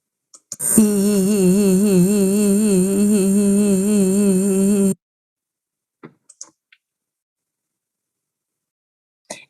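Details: Vocal tremor: very rhythmical voice oscillation without much strain; essential vocal tremor.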